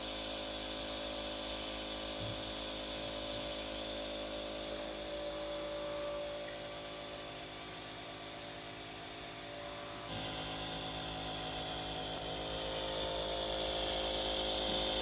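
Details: Dog (Fred) in Campinas, Brazil, wearing a breathing mask for nebulization because of a cough; steady mechanical whir and hum of a compressor nebulizer running continuously.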